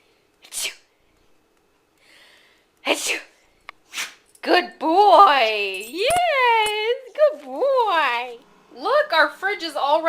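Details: Beagle dog trained to sneeze on command, giving a few short, sharp sneezes followed by a woman's speech; prompted sneezes, not illness.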